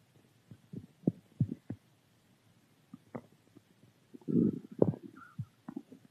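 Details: Stomach growling: scattered soft gurgles and bubbling pops with one longer low rumble in a quiet room.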